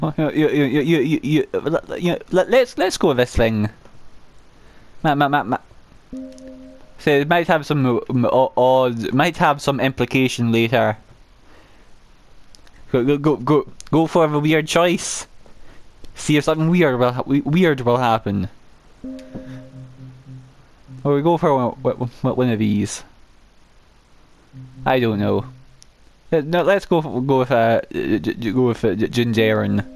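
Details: Male speaker who stammers, reporting it is especially bad on words starting with m and w; repetitions of words and part-words heard; stuttering.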